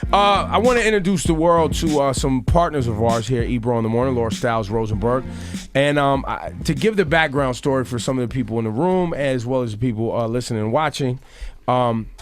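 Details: Adult male speaker; normal speech.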